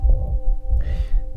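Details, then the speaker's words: Heart auscultation at the apex: first sound almost inaudible, second sound quiet, and between them a pansystolic murmur of nearly uniform loudness, grade 3/6 on the Levine scale, touching both sounds. "Итак, имеем почти неслышный первый тон, тихий второй, пансистолический шум на верхушке сердца."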